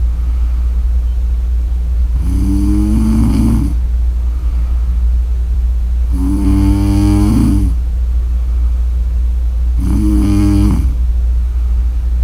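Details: Three deep, rattling snores about four seconds apart over a steady low hum; ordinary snoring.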